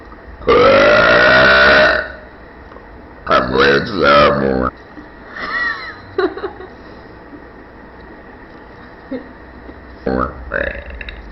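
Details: Girl talking and burping: a long, loud, resonant belch followed by shorter burps and a few spoken sounds; burping.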